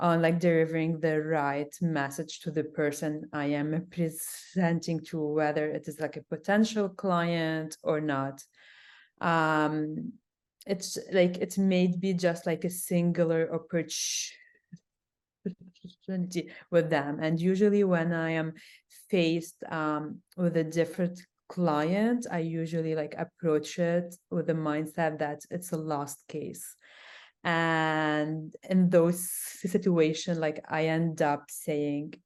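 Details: Adult woman who stutters; stuttering with sound repetitions, and she reports big blocks.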